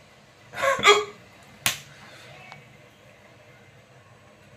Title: vikkal video /part-2 / #hiccups treatment video 2nd part